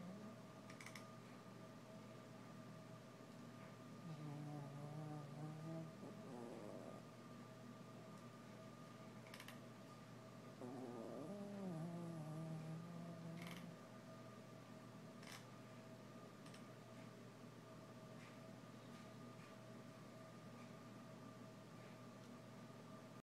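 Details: Snoring: two soft, low, slightly tonal snoring sounds about seven seconds apart, over steady fan hum.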